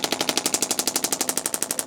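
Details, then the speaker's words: Radial shockwave therapy with the widest-diameter head on a male chiropractor's lateral leg and foot, intensity increased until it becomes too much; rapid, regular, sharp tapping pulses about 13 per second. "So, let's get right there and see if we can manipulate this foot a little bit and increase the intensity."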